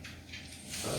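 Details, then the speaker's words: Dog snoring and grunting while moving about and sniffing around a kitchen: brief rough, rattling snorts and grunting breath noise. "Vous entendez la chienne ronfler, grogner. Elle furette autour de moi dans la cuisine."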